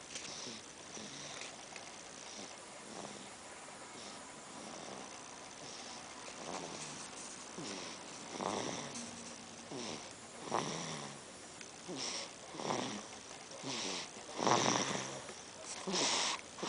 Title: Snoring baby!!!